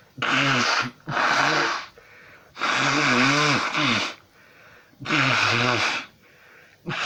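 Repeated loud, voiced bursts in rapid series with quick breaths between, about 26 a minute; a run of sneezes.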